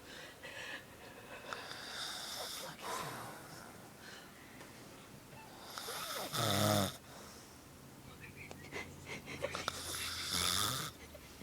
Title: my stepdad says he doesn't snore.